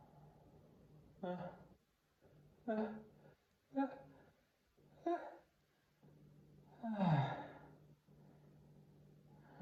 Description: Some sneezes: Stifles, half stifles, not stifled.